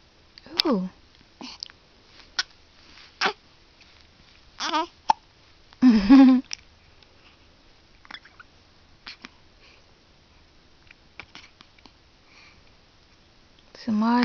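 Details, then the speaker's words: Baby with hiccups: short, abrupt hiccups recurring every second or two, mixed with small coos and fussing sounds in a quiet room. "Hey, boo boo. Ooh. Somebody got the hiccups."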